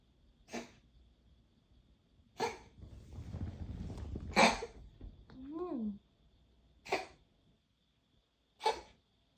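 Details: Cat coughing: short, sharp, repeated cough-like bursts with a brief meow between, in a quiet room; owner thinks the water bowl should be raised higher.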